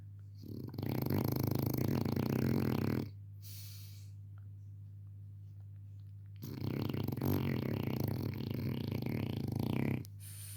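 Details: French bulldog puppy, a flat-faced breed, asleep: two long, loud, buzzing snores with a fast fluttering rattle over a steady low hum; heavy snoring.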